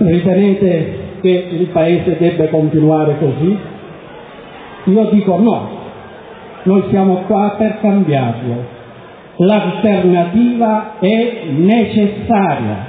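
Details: Adult man; Ordinary speech.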